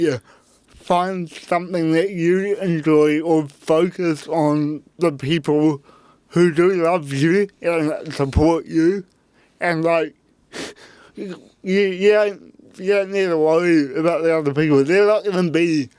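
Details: Adult man with cerebral palsy; his parents were told at birth he would never walk or talk; intensive therapy from birth to age six for walking and talking; dysarthria (cerebral palsy).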